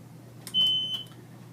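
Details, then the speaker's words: A single high-pitched beep lasting about half a second over a low room hum, when a BiPAP machine is switched on with the white button at its rear, before the self-test: normal power-on tone. "to turn the machine on press the same white button"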